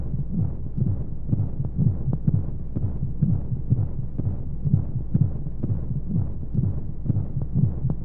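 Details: Womb-sound sleep aid for babies: steady soft low heartbeat thumps, roughly 60 a minute in paired beats, over a constant low whooshing white-noise hum as heard inside the womb; heartbeat.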